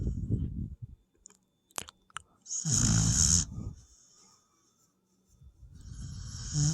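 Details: Snoring in a sleeping dog (tagged puppy): loud, rough snoring breaths with a hissing, whistling edge, separated by quiet pauses.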